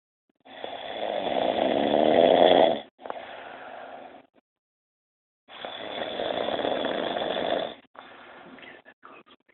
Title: "I never snore!" Hahaha